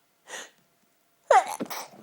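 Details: Short in-breath, pause, then one explosive voiced sneeze from a dust allergy, set off by a marathon cleaning session.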